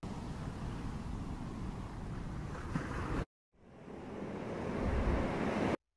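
Soft rushing surf sound swells and fades in two waves, with a brief voice at the end; a hearing aid's shoreline nature sound for tinnitus relief.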